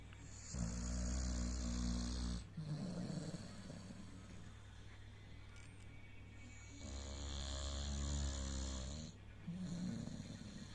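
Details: Deep, rumbling snores on long inhalations, each followed by a softer puffing exhale, about ten breaths a minute, from a Pitbull dog in deep sleep; snoring.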